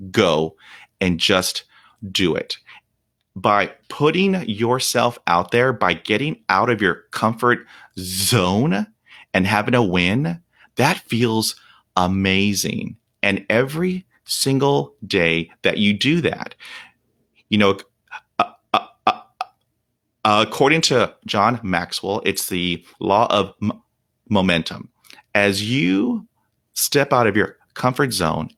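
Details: Real, unedited speech of a 48-year-old man who has stuttered for 43 years. Onset was at age five, when shock/trauma from a dog attack left him at 0% fluency. He reports blocks without breathing, trouble with S, H and P sounds, and facial tics. Stuttering.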